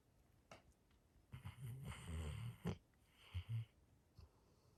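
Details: A sleeping Labrador Retriever snoring: soft, irregular low snorting and rumbling breaths with a few snuffles.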